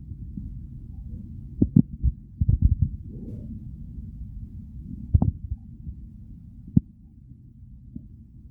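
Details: Real stomach growls recorded during hunger, part of a hunger-to-overfull digestive recording; a low steady rumble with scattered deeper thuds and short gurgles; bowel sounds (borborygmi).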